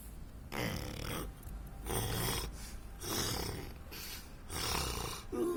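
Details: Snoring: loud, rough, rattling snores on each breath in, about four in under six seconds, with quieter pauses between.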